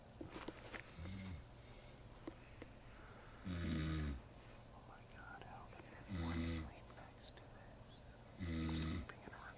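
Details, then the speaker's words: A man snoring loudly all night with muscle spasms: loud, rumbling snores on each in-breath, about 24 per minute, with quiet exhalations between and faint room noise. "so loud all night and muscle spasms it's like a water buffalo with sees it's ridiculous"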